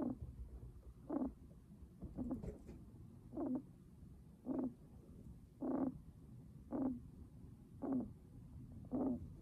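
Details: Guinea pig with raspy breathing: repeated short raspy, rattly noises at about 54 a minute, one with each breath.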